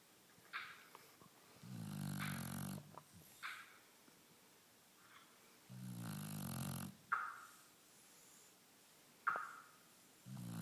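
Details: Sleeping lilac Shar Pei dog, Mora: soft, low rumbling snores on each breath, about 15 breaths per minute, with small clicks and snuffles between; snoring.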